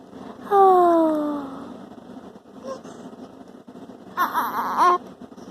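Short fussy infant cries with falling pitch, then a brief squeal over faint room noise; ordinary fussing.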